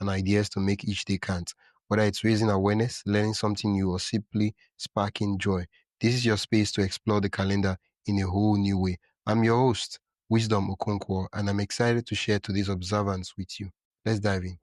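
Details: Adult male speaker; normal speech.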